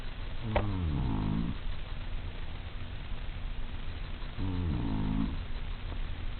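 Two low, rumbling snores on inhalation about four seconds apart, roughly 15 breaths a minute, with quiet exhalations between.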